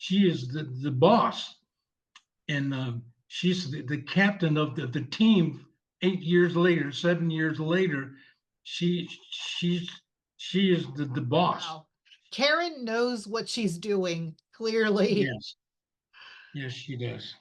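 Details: 74-year-old male veteran with aphasia from a stroke 7 years ago, initially unable to read, speak or write, now speaking with repetitions; non-fluent aphasia.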